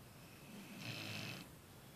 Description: Our 6 month old female Vizsla Abbey had a workout today at the beach in Brigantine NJ. Her 4 year old brother Parker wore her down so much she is snoring!